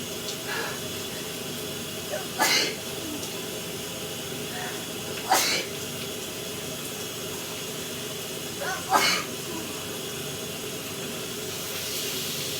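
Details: Three sharp sneezes, each with a short catch beforehand, over steady running-water hiss in a shower.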